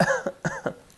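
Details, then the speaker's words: Three quick, light, voiced coughs in a row, imitated to demonstrate the word "cough" in an English lesson on flu, fever and cough. "I'm coughing you say oh I think I'm getting the flu I'm coughing a lot I'm coughing I have a bad cough I'm coughing a"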